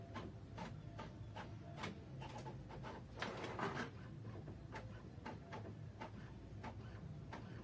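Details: Blood pressure measurement by the auscultatory-palpatory method: stethoscope over the brachial artery while the radial pulse is palpated. Slow cuff deflation with a steady low hiss and soft, fairly regular tapping Korotkoff sounds; systolic pressure measured at 100.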